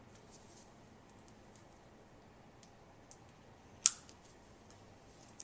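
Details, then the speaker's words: Quiet room with faint handling clicks, then one sharp click as an IV catheter's needle release button is activated, withdrawing the needle while the cannula hub is held in the vein during IV insertion. "grasp the cannula hub to hold it in the vein and withdraw the needle by activating the needle release button"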